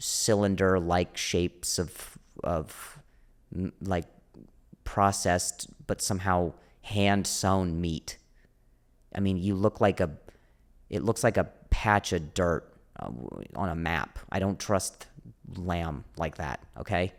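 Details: Adult male comedian who stutters (speech impediment), speaking on a podcast; audible repetitions; stuttering.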